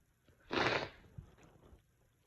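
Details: A single sudden burst of noisy air lasting under half a second, then quiet room noise: one sneeze.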